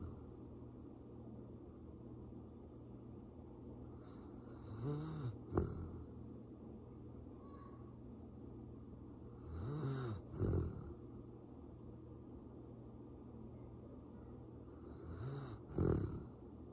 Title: Petunia snores